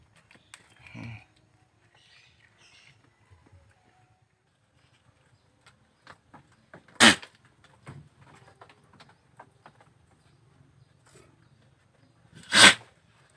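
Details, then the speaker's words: Two sharp explosive sneezes from a goat with cough and cold (respiratory infection, nasal discharge), deliberately provoked by hairy leaves placed on its nose and mouth so mucus is expelled; illness attributed to weather change. "emang ini nanti kambing kita akan bersin atau gepres jadi ingusnya akan keluar kita tempel-tempel kan dihidungnya"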